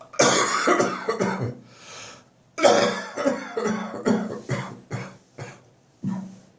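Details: Adult recovering from bronchitis that followed a cold, with ribs, belly and back pain: two runs of about nine harsh, chesty coughs. Chesty cough (bronchitis).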